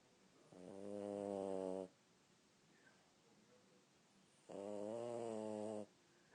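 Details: Sleeping dog whose loud snoring keeps people awake at night: two long, loud, buzzing tonal snores with a quiet pause between.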